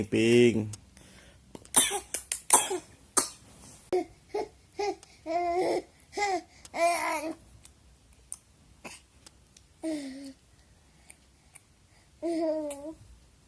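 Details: Child's giggling bursts turning into several short coughs as laughter becomes coughing.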